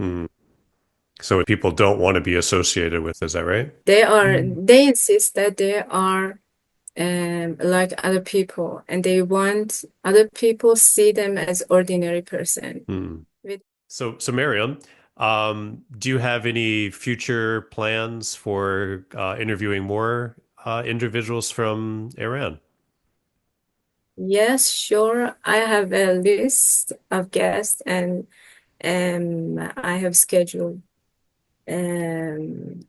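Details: 25-year-old Iranian man speaking Persian who has stuttered since middle school; after professional speech therapy he improved significantly but still stutters; stuttering.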